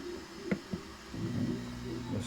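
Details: Homemade open-source mechanical ventilator built from 3D-printer parts: two mechanical clicks, then a steady low motor hum as it starts running.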